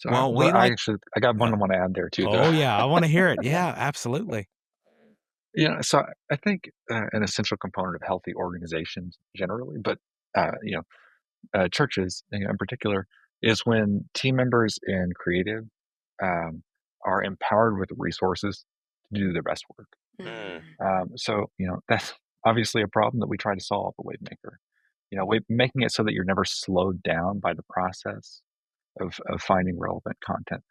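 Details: Adult male speaker, podcast conversation with brief second voice; normal voice.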